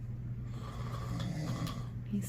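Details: Loud snoring from a sleeping father: a steady, low, rumbling snore held through the breath in a quiet room.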